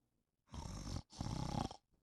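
Two rough, low, rattling breath sounds in quick succession, typical of snoring.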